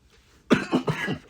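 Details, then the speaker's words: Adult man with flu gives a quick run of about four short, loose coughs after a brief quiet moment. "right now you can probably hear me coughing in the background I came home what was it I came home Friday night and I had the flu"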